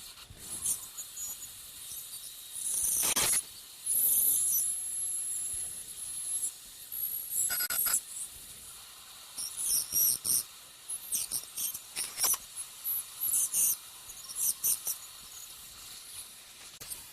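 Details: Piezoelectric ultrasonic bone saw cutting bone in dental sinus surgery, vertical and horizontal crestal osteotomies about 5 mm distal to the canine root, light sweeping strokes: intermittent high-pitched whining bursts against low room hum.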